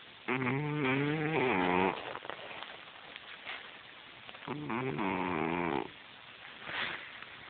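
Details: A cat snoring while asleep: two long, rough, vibrating snores with a quiet pause between, over low room noise.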